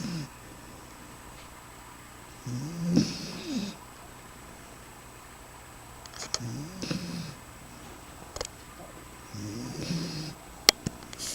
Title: is snoring